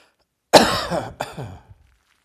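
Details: Two forceful harsh coughs in quick succession, the first long and rasping, the second shorter, from an adult after a heavy chest cold; cough.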